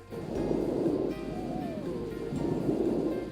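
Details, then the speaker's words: Simulated auscultation on a teaching model, front of chest, severe asthma case: musical, gliding whistle on expiration, an expiratory wheeze. "be able to appreciate the uh you know the v's that you can hear on the expiration"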